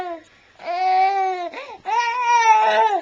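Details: Young child recorded on a Flip Video camcorder while talking with his father before work, later getting hiccups: two drawn-out, high, wailing vocal sounds with a short break between them; a fussy cry.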